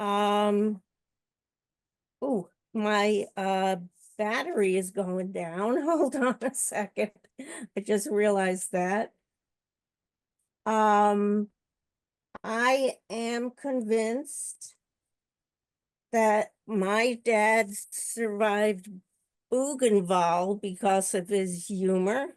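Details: Adult woman who stutters and also has a paralyzed vocal cord: stuttering.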